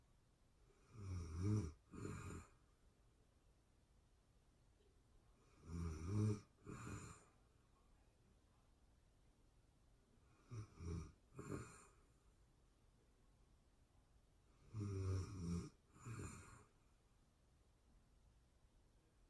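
Rough, rattling snores, each breath in followed by a softer snore on the way out, about 4 breaths a minute; snoring in sleep.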